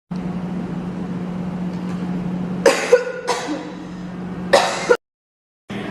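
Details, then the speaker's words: A few short, simple coughs over a steady background hum, from a health-promotion clip on cough and sneeze etiquette. "perlu kita ketahui bahwa ketika kita batuk maupun bersin sebenarnya banyak ribuan hingga Jutaan umat penyakit yang kita bersihkan"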